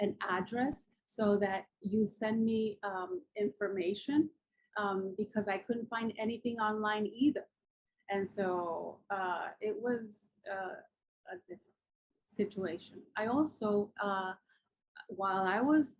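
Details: Woman with aphasia after a massive ischemic and hemorrhagic stroke 10 years ago, followed by coma and locked-in state; took almost a year to regain speech; still cannot write well.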